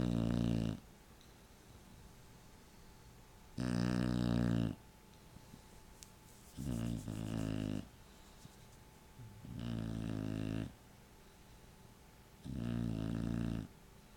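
Loud, deep, rattling snores recur about every three seconds with quiet gaps between them: heavy snoring.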